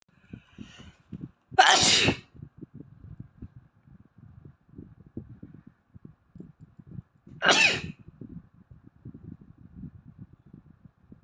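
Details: Asian boy with allergies: two sharp, explosive sneezes about six seconds apart over soft background clatter; sneezing.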